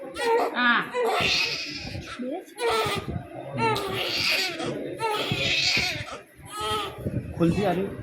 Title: new born baby girl crying for the injection ll